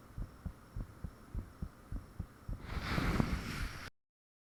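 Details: Self-recorded own heartbeat with fan off, taken shortly after heart began feeling unusually thumpy; paired thumping beats about 100 a minute, louder rushing whoosh covering beats near end. Heart sounds.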